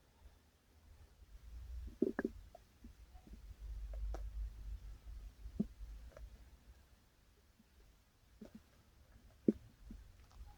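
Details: Person's stomach growling, recorded while it was still growling; owner says it is sometimes really loud but goes quiet when recording starts; borborygmi.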